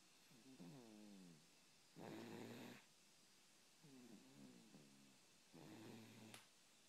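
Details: Sleeping cat snoring through two slow breath cycles: a wavering, buzzy tone on each breath in, then a rough, noisy breath out; snoring.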